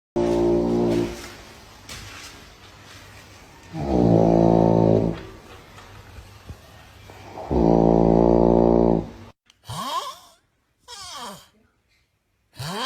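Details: Three loud, buzzing, rattling snores about four seconds apart, then short whistling, swooping breath sounds; snoring.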